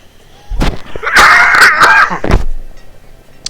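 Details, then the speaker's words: A short cluster of harsh coughs from an adult man, with faint background music. "again apologies for the coughs and also you'll hear me taking lots of of sips in order to keep my throat from drying out too much"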